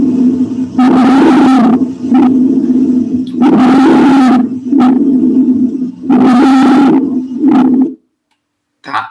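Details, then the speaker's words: Loud, harsh, steady-pitched noisy breaths about 22 times a minute, each long phase followed by a shorter one: stridor, a louder, coarser sound than rhonchi from tracheal obstruction. "o estridor ou a cornagem como eu falei para vocês é como se fosse uma variante do Congo só que agora é algo mais alto Ainda mais grosso obstrução mais grossa obstrução da Tracker"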